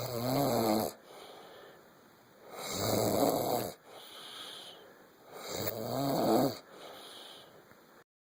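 Three loud, rough, fluttering snores alternating with quieter breaths, about 21 a minute; snoring.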